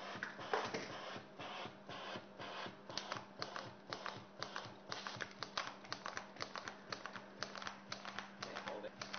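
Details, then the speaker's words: Rapid sharp clicks, about 120 a minute, over a low steady hum: metal valves of a total artificial heart opening and closing, driven by its driving unit on a mock loop imitating natural body pressures. "the sound that you're hearing now is the opening and closing of the metal valves"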